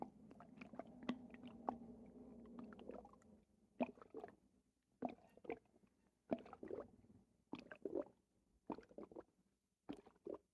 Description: Stomach immediately started making the watery noises. Like a water bed in my stomach.